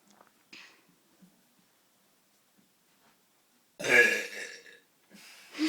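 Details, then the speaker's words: Two brothers deliberately burping, going from small to big: a small burp, then one long, loud, rough burp and a shorter burp in a quiet room. "My name is. This is. And this is a burping video. Everyone says mine and corners are really big."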